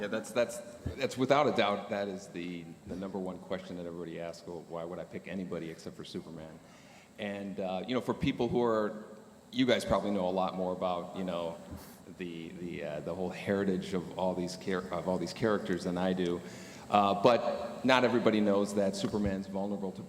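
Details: Adult man speaking on a panel; normal voice.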